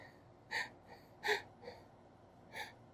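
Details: Five quick, sharp gasping inhalations spaced unevenly, the build-up before deliberately recorded, unusually harsh loud sneezes, in a quiet room. Gasping.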